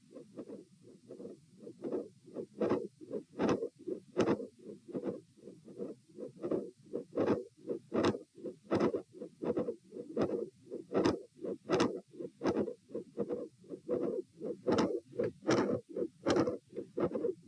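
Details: Heart sounds at auscultation position A during a stress test, with the subject lying, sitting, standing, then lying again: a mid-systolic click and a split S2.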